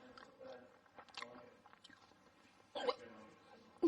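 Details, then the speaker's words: Adult with recurrent hiccups that come with a head jolt: two loud abrupt hiccups over faint room chatter; hiccups. "Seriously, my head jolts when I get hiccups."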